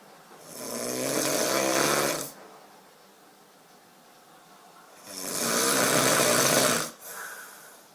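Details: Sleeping adult man (boyfriend) snoring: two long, harsh, rattling snores separated by quiet exhalation, with slow breathing of roughly eight breaths a minute.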